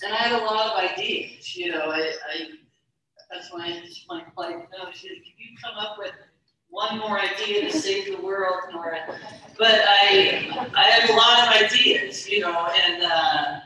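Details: Stuttering in an adult woman, a keynote speaker at a stuttering convention; she describes her stuttering as syllable repetitions, hesitations and prolonged consonants; stuttering.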